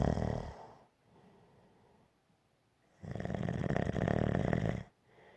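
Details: Gentle snoring: a low, rumbling snore on the in-breath, then a quiet out-breath and a second long snore.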